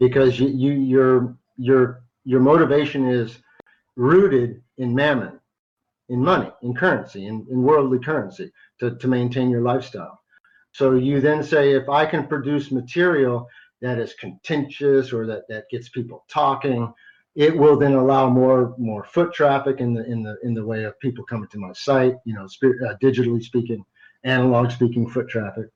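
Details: Adult man who stutters sometimes, a carry-over from much more frequent stuttering as a child; stuttering.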